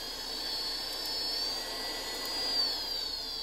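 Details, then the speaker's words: Homemade low-cost open-source ventilator blower after initialization, not FDA-approved: steady high-pitched motor whine with constant rush of air, blowing continuously in low-pressure CPAP mode; ventilator blower running. "it starts off in a low pressure level CPAP mode so it's blowing continuously right now with the air pressure and this will push air into your lungs"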